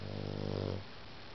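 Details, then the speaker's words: Sleeping foster dog, about 2 years old and 50 lb, assumed to be a Boxer/Bulldog mix: a single deep, buzzing snore under a second, then quiet. "You were snoring. You sleepy boy. You sleepy boy. Snoring away."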